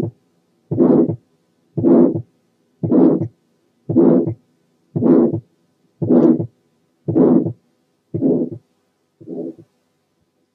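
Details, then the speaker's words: Tetralogy of Fallot: regular beats near 56/min with a harsh systolic murmur of pulmonary stenosis. "على عكس كده لما يكون البالمونري ستينوزس جزء من تترالوجي اوف فالو، السكند ساوند بيتسمع في الودن كما لو كان سنجل وعالي شوية عن الطبيعي، وكله مكون من الايورتيك كومبوننت بس. تعالوا نسمع حالة فالوس تترالوجي."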